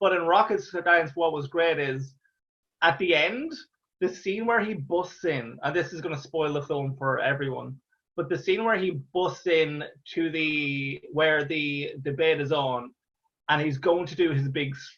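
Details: Real stuttering (stammering) in an adult Irish man, a stand-up comedian who stammers, heard talking in an interview.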